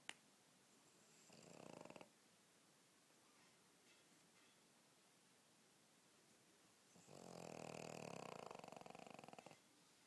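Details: Two long, rattling, fluttery snores on the in-breath, a few seconds apart, from a sleeping pug dog, louder than the owner's husband: snoring.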